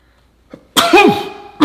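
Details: Sneeze in an animated meme video: a short in-breath, then one loud, explosive sneeze that fades out, with the start of another burst at the end.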